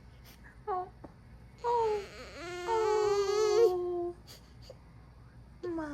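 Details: A newborn girl on her first full day in hospital after a C-section birth gives brief bursts of high-pitched crying and whimpering, the fussing of a tired baby who won't be put down.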